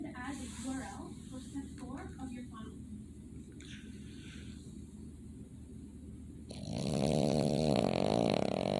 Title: Dogs Snoring (Boston Terrier)